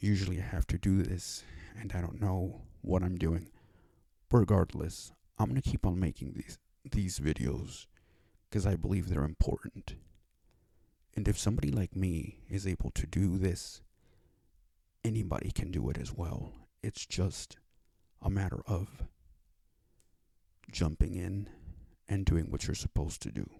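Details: Dysfluent speech (stuttering) attributed to cerebral palsy in an adult male; has had five years of speech therapy.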